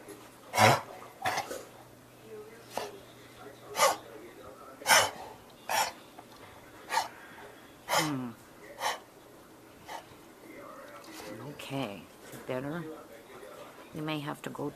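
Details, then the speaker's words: Dog coughing: repeated short, harsh coughing bursts with quiet human voice in the background; the owner considers taking him to the doctor. "That's the coughing thing that he's doing."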